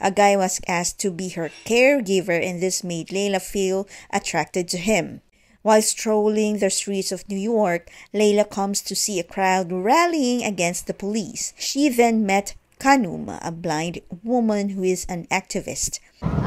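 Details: Adult narrator; normal fluent speech.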